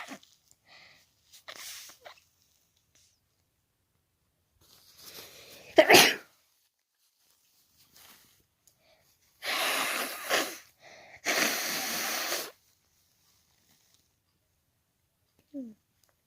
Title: trying to get over the autumn cold... #sneeze